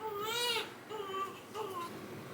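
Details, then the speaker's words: Newborn boy crying in short, high-pitched wails with brief pauses, being settled in a hospital incubator and not liking it; infant cry. "doesn't like it not sure he's going to settle unless we get him out"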